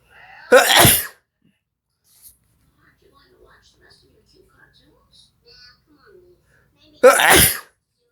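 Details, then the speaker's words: Sneezes deliberately induced with chili powder by a person marking nine years since adrenal cancer surgery. Two loud, explosive sneezes about six seconds apart, with quiet room sounds between; sneeze. "i'll always pick the flavor of the mask i'm gonna sneeze"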